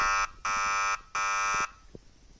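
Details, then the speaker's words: Dexcom G6 continuous glucose monitor sounding its urgent low alarm, three loud harsh buzzing tones, while the user with diabetes feels dizzy with color spots; the Libre reads 3.2 and a fingerstick reads 2.8, suspected around 2.5. "that is the Urgent low alarm going really really low tell me on the decks come now"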